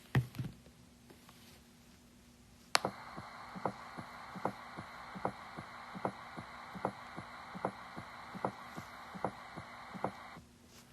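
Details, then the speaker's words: S4 gallop: regular heartbeat near 75/min with a soft extra sound just before S1, from atrial contraction striking a stiffened ventricle in late diastole; typical of thick, stiff ventricles from chronic hypertension or aortic stenosis. "we can compare this to s4 which is the sound of atrial blood being pushed during atrial contraction and striking a stiffened ventricle this occurs in late diastole just before the start of systole"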